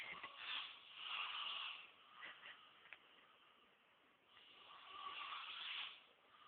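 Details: Snoring in a sleeping person (the speaker's brother): two long, hissing, rattly breath sounds about four seconds apart.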